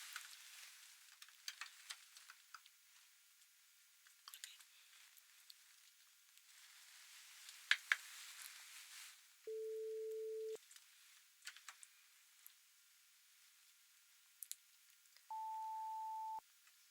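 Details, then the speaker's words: Simulated hearing test in a medical roleplay with headphones for clogged ears: two steady pure tones, one lower then one higher, play over soft crackling handling noise as pure-tone audiometry test tones. "Lorsque vous entendez une tonalité, levez la main correspondant à l'oreille d'où elle provient ."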